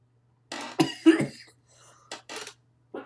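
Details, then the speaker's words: Several short, harsh coughs in quick bursts with brief pauses, no clear inspiratory whoop, from an adult still recovering from whooping cough that led to pneumonia. "excuse me you guys I'm still getting over this um whooping cough that left me with pneumonia"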